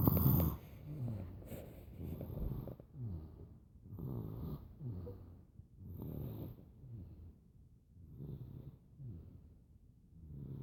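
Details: A sleeping baby snores: soft, rhythmic, rattling snores with each breath, about every one to two seconds.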